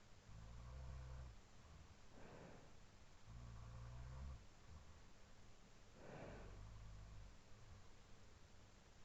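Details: Housemate snoring during sleep, recorded around 4:17–4:20 AM, looped: low buzzing snores alternating with softer breathy exhalations, about three cycles in nine seconds, over steady room hiss, alongside quieter sleep breathing.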